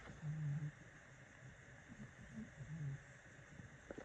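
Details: Snoring in Chester, a sleeping cat: two low, rumbling snores about two and a half seconds apart over faint room hiss.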